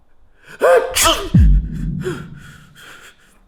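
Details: Single loud explosive sneeze after a voiced gasping intake, then a trailing vocal sound, amid repeated sneezing indoors in October; the sneezer blames pollen, while a friend suspects he is sick.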